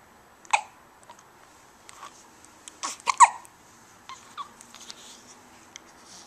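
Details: Hiccups in an awake young boy: short, abrupt catching sounds repeating at irregular intervals over a few seconds in a quiet room.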